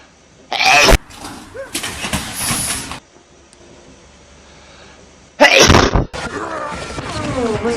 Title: hedgehog sneezed everyone started to fall 🦔